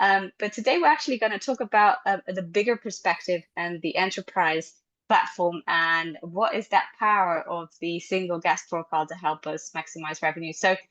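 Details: Adult female speaker; normal speech.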